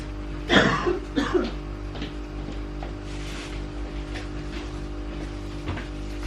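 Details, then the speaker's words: Adult woman ill with an autumn illness, who calls the cough the worst part; two harsh coughs in quick succession, then quiet, over a steady low hum in a small room: illness cough. "jak Najgorsze jest ten kaszel"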